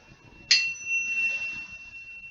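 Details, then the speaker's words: Struck tuning fork ringing with a clear, steady, slowly fading tone, placed behind the ear for a Rinne bone-versus-air conduction test in a head-to-toe assessment; normal result. "this is bone to air conduction it's testing your acoustic nerve"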